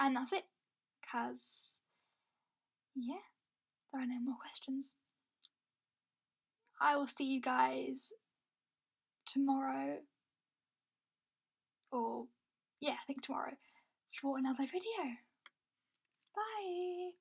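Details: Stammering (stuttering) in an adult woman who says she has a stammer.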